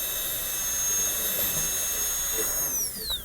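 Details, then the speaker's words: Steady high-pitched whine of a high-speed dental drill cutting a class II box on a maxillary premolar, kept close to the adjacent tooth, pitch dropping as it spins down; dental teaching course. "All I care about, when I'm cutting, all I care about is how close I am to the adjacent tooth."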